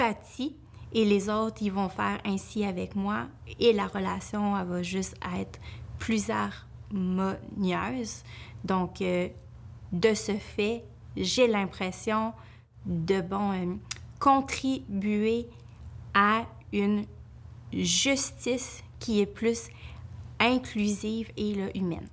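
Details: Adult woman, a family law attorney who states she stutters and that it worsens with nervousness, speaking Quebec French; stuttering.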